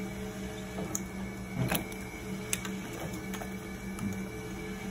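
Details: Steady mechanical hum with soft rhythmic clicks. A hemodialysis machine's blood pump is running at about 200 after the prime button is pressed, priming the blood lines and dialyzer; normal running sound.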